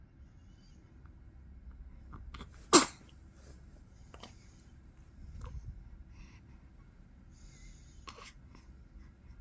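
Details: Single sharp sneeze of a 44-day-old baby girl over soft room noise, followed by quiet stirring as she wakes; an ordinary newborn sneeze.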